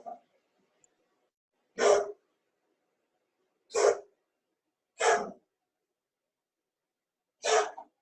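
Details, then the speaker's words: Cat coughing: four short, harsh, forceful bursts separated by quiet pauses. "cat is coughing I'm sorry Karen you hear that noise that's okay"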